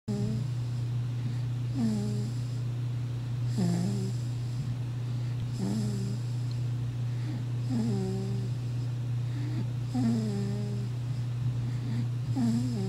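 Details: Regular soft snoring breaths, about one every two seconds, over a steady low hum in the room; snoring.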